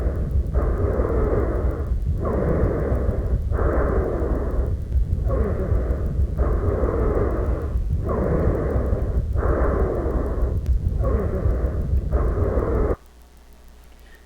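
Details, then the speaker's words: Wheezes: repeated breaths with a musical, whistling high-pitched continuous tone, typical of narrowed lower airways, as in asthma. "alguns casos esses sibilos eles podem ser tão intensos que a gente escuta de longe"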